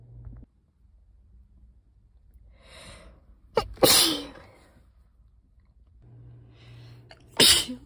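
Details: Two sneezes from a compilation, each preceded by a breathy buildup inhale, then a sharp loud burst: sneeze.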